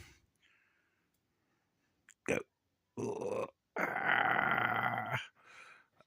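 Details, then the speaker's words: Newborn girl about two weeks old, awake and active while holding a finger, gives a short catch of breath then a forceful one-second sneeze, with quiet breathing after. "oh look at that big old sneeze bless you [Laughter] what kind of face is that oh you didn't like the sneeze"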